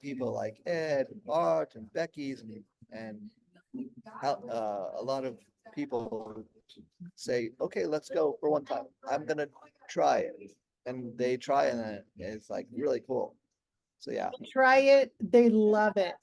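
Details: Aphasia in an adult, 16 years after a stroke during heart valve surgery; it improved slowly with daily speech therapy.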